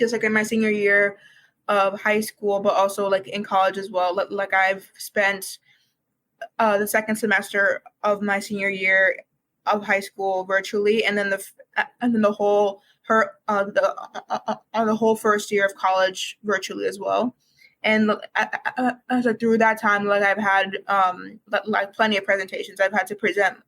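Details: Lifelong stuttering in a fourth-year university student, stuttering as long as they remember; fluency varies by day, with blocks some days and speaking sometimes physically painful.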